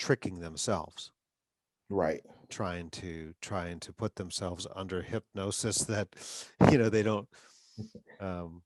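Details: Adult man who stutters, with frequent interjections such as 'um'; stuttering.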